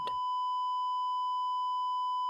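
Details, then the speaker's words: A click, then a single steady unbroken beep: a simulated heart monitor flatline in a fictional horror story narration, after a hospitalized crash survivor is smothered with a pillow. "when all was done the EKG machines beeping turned into a steady constant sound"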